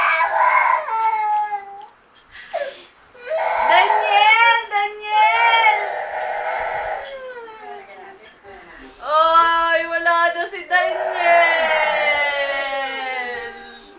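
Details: A baby crying indoors after a phone playing a Daniel Padilla video was taken away: loud, tonal crying in long wailing bursts with sobbing catches between them.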